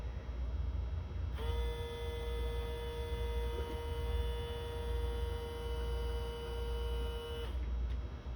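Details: Steady motor whine with a low hum lasting about six seconds, then stopping: a Navage powered nasal irrigator running during a saline rinse by an adult man with allergies and sinus issues; powered nasal irrigation device running.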